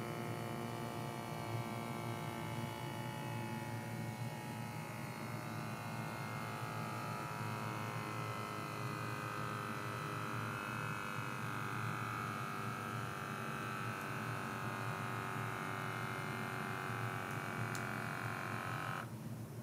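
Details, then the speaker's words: CheckMe BP2 Connect home automatic blood pressure monitor on an adult: quiet steady pump motor hum inflating the cuff, rising in pitch, then sudden release; reading 122/81 mmHg, pulse 71. "do a quick blood pressure test as well so you can see how that works"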